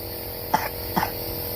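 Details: Two short coughs from a young child with cough, phlegm and fever, prompted to cough during nebulizer treatment with medicine, over the nebulizer's steady hiss.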